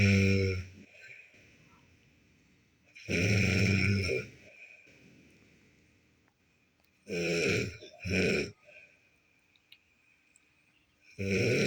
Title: #shorts Stop Snoring Lazy Cat So Cute #shortvideo #love #comedy #funny #art #lol #fyp #subscribe